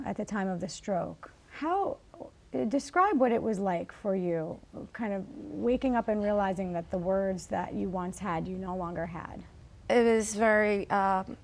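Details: Adult woman speaking; ordinary speech.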